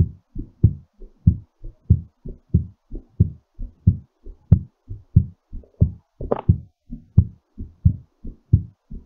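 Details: Heartbeat during recovery after exercise: strong, regular low thumps at roughly 90 to 95 beats a minute, still quickened.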